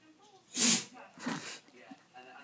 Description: Frankly the biggest dog build up to a sneeze ever.